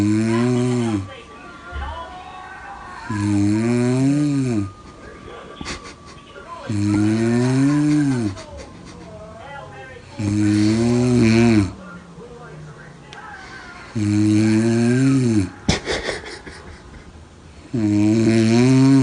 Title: SNORING GOES WRONG